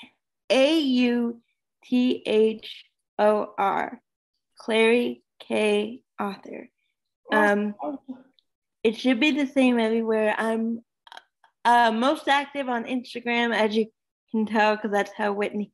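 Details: Adult woman speaking; ordinary speech.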